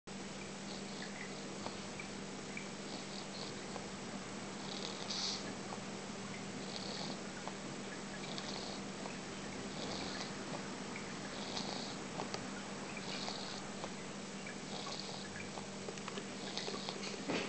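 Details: Pet cat William sleeping and snoring: soft, hissy snoring noises repeating about every one and a half seconds over room hum.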